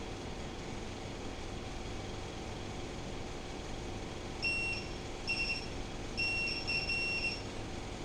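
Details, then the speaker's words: Syringe infusion pump pre-empty alarm: steady high-pitched beeps in short repeated groups over a constant hum, sounding about 10 minutes before the infusion ends so the next syringe can be prepared. "सो अभी एक alarm आ रही है, ये pre empty alarm है। Basically जब infuse खत्म होना होता है उसके 10 मिनट के पहले आपके पास मशीन एक अलार्म देती है कि आप नेक्स्ट सिरिंज तैयार कर लीजिए, प्रिपेयर कर लीजिए, ये नेक्स्ट 10 मिनट्स में खत्म हो जाएगी।"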